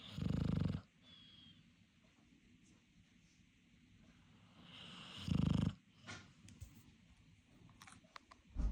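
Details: Woman snoring after a tiring workday: two loud, low rattling snores about five seconds apart, quiet breathing between, faint room noise.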